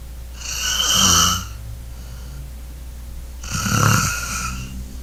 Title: SnoreWedge snoring demo